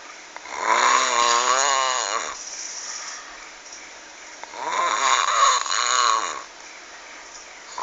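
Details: Heavy, very loud snoring: two long rattling snores with a harsh, roaring quality, separated by quiet pauses; described as scary-sounding.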